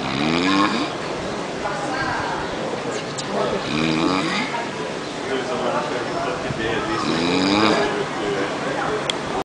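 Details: In a lobby in Cuba, loud, rough, throaty snores recur every three to four seconds over steady background noise: heavy snoring.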